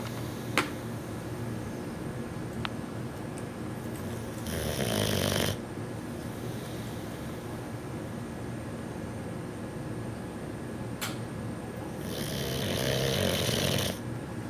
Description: This is our new 6 month old male boxer puppy. He can sleep through anything and snore through anything!